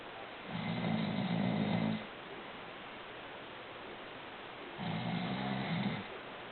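Two long, low, rattling snores about four seconds apart, with quiet breathing between them. Ordinary snoring.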